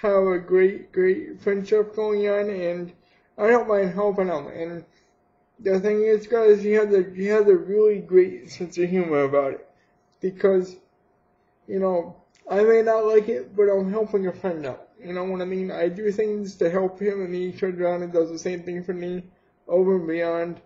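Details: Adult man with cerebral palsy; no speech disorder explicitly named; speech with cerebral palsy (possible dysarthria).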